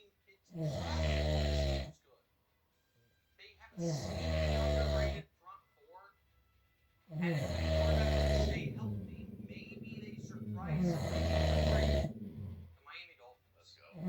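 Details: Husband, who claims he doesn't snore, snoring loudly in sleep: deep, rumbling snores on each in-breath, about 18 per minute, with soft gasps and breath sounds between; snoring.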